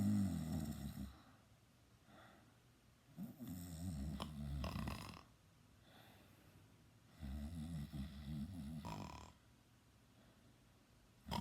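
Loud, rough, low snores on three breaths in, spaced about four seconds apart, roughly 15 breaths a minute.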